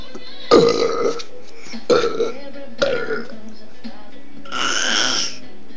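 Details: 10-month-old baby burping during winding: three short throaty gulping burps and a longer voiced burp, faint music behind.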